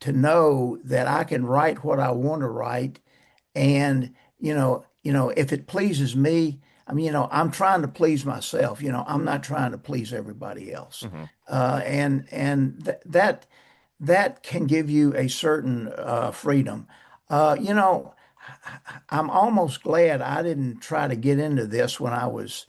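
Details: Man who still stutters, describing blocks, poor airflow, some repetitions and prolongations, and saying he no longer pays attention to it; stuttering.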